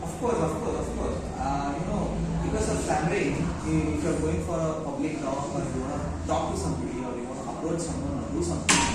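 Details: Adult man speaking; typical speech.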